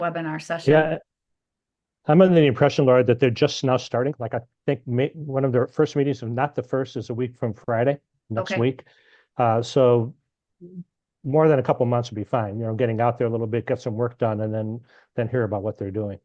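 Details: Adult man speaking in a meeting, likely over a call; Ordinary speech.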